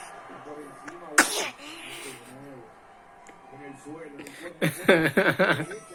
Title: Baby sneezing/ Bebé estornudando